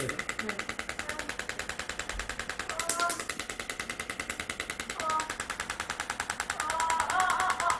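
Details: Extracorporeal shockwave therapy for heel pain (Achilles tendinitis) in a female patient after about twenty failed prior sessions, treated along the muscle chain: rapid, regular clacking pulses, about 200 a minute, with quiet talk behind.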